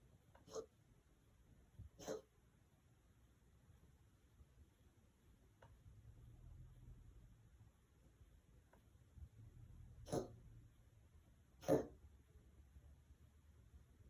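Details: Cat cough (owner unsure if wheezing or coughing): four short, sharp, hacking bursts in two pairs, with quiet breathing-level noise between them.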